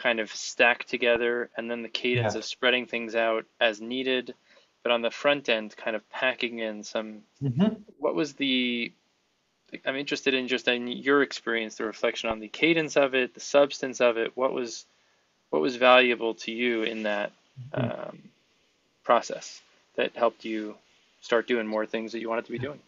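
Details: Adult male speaker; typical speech.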